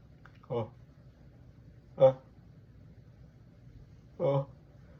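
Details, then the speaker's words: Person sneezing repeatedly in a quiet room: three short, sharp voiced bursts ("Achoo! Achoo!"). Sneeze. "I have to sneeze. Achoo! Achoo! Excuse me. Please don't sneeze. Please don't sneeze."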